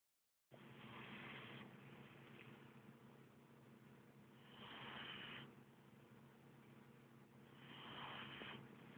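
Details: Loud, heavy snoring from one who fell asleep while watching TV.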